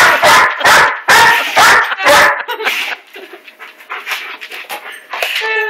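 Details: 13-year-old female Lab/Wiener Dog mix sneezing after being aggravated by a Lab/German Shepherd puppy. A run of about five quick, forceful sneezes, then softer snuffling and whimpering.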